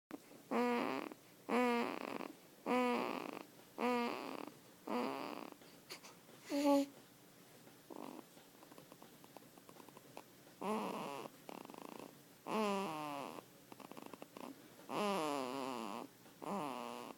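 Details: Snoring at 5 weeks old: repeated rough, buzzing breath sounds at regular intervals, about 30 per minute, with quiet pauses between.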